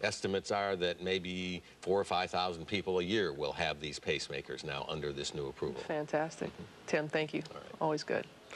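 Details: Adult male speaker; normal speech.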